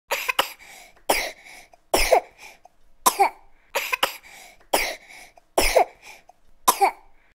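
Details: Infant coughing: about nine short, high-pitched coughs, some in quick pairs, in a quiet room.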